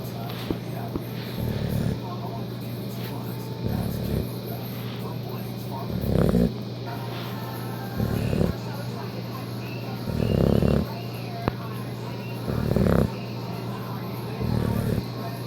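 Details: Soft, low snoring snorts in short bursts about every two seconds over a steady background hum; a dog snoring.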